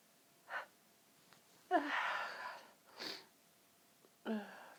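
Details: Pinched, stifled sneezes after an incredibly tickly nose: breathy in-breaths building up, then stifled sneezes with strained voiced bursts and a snort-like release.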